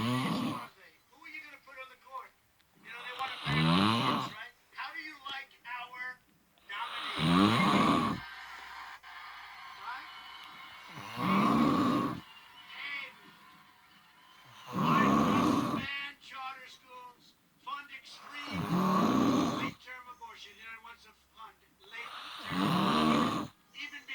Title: 2-21. snoring. my fella recorded me sleeping